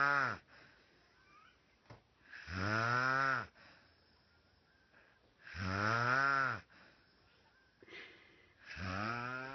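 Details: Sister snoring in sleep: loud, voiced, rattling snores on each inward breath with quiet pauses between, about 19 breaths a minute; ordinary snoring.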